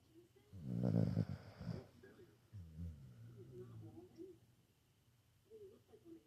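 A low, rumbling snore followed by softer fluttering breath noises in a quiet room; snoring.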